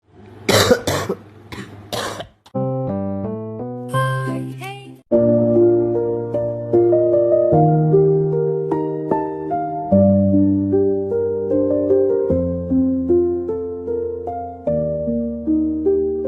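A short run of several harsh, explosive coughs, then gentle piano music.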